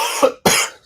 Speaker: Excuse me. I had a little cold. I don't know where I got it from, but if I cough every now and then, sorry about that, guys.